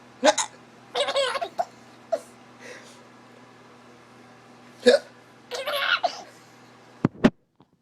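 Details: Sharp hiccup bursts from an infant mixed with short giggles and laughter, with quiet gaps between; the baby is said to be tired.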